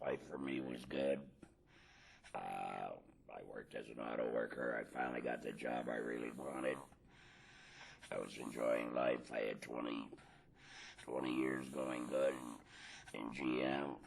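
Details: Tracheoesophageal speech from an adult man after total laryngectomy for laryngeal cancer, speaking without a larynx via tracheoesophageal puncture with a voice prosthesis.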